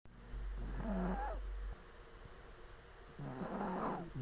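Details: Snoring in a sleeping small Chihuahua: two low, rattling snores with a whistling nasal squeak and a pause between them.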